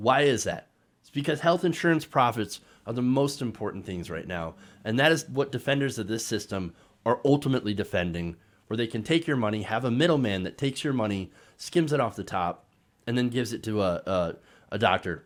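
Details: Adult male speaker; normal speech.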